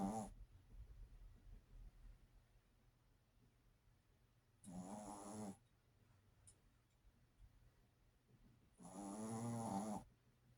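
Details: Pet snoring: regular rattling snores about every four to five seconds, roughly 13 a minute, with quiet pauses between; snoring.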